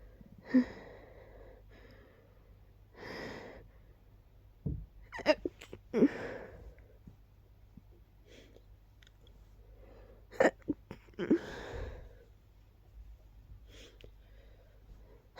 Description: I just started sneezing immediately when I woke up 🤔... Not sure why exactly.